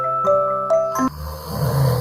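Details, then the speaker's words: Adult snoring, from an anti-snoring product test; brief music then a low rumbling snore on an in-breath; snoring. "확실히 정자세로 자니까 코를 걸긴 고는데 후리가 많이 줄어들었고요"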